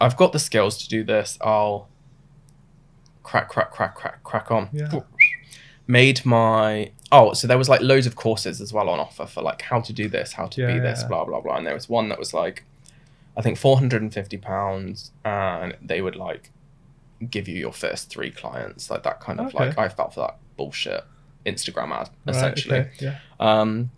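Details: Adult man diagnosed with Tourette syndrome in his mid-twenties, with a burst of involuntary swearing tics mid-sentence; vocal tics (Tourette syndrome).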